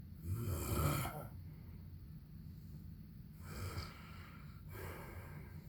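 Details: An adult man sleeping gives loud, low, rattling snores on breathing in, with quieter breaths between; heavy snoring.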